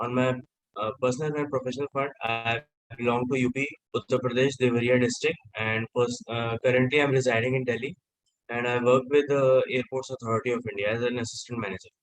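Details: Adult male speaker; fluent speech.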